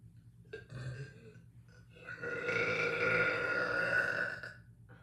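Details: Loud, echoey burping: a short burp followed by a long, loud, drawn-out rumbling belch lasting about two seconds.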